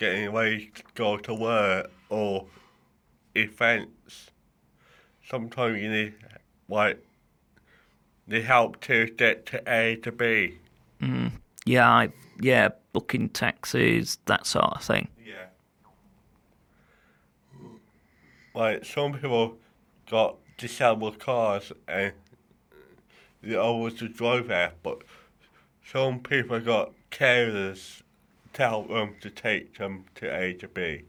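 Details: Adult male with cerebral palsy affecting the right side of his body, which he says affects his speech and mobility; dysarthria.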